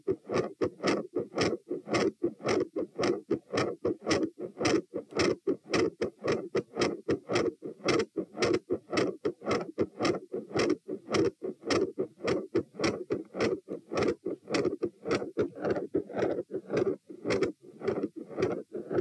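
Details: Heart auscultation at tricuspid position T during a stress test (lying, sitting, standing, knee bends, standing, lying; 84–96–108–120–96 bpm); quiet to very loud, with murmur changes, split S2, extra sounds; tachycardic heart sounds after exertion.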